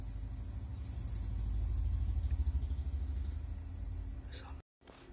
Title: Nebulizer || how to use apollo protable nebulizer || how to use nebulizer || RJ prosen || Helth tips